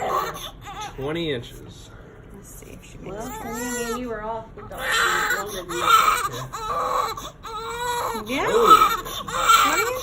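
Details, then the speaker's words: Repeated strong, wavering cries from a newborn baby girl just after hospital birth, with adult voices in the room. A normal vigorous newborn cry. "look at him oh she grabbed his little finger and stopped crying"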